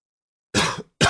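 Silence, then one harsh, noisy cough burst that trails off, followed by the start of a second cough; an adult coughing.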